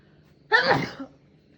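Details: Single sneeze, possibly from fog: one sharp, explosive burst of air with a brief voiced tail.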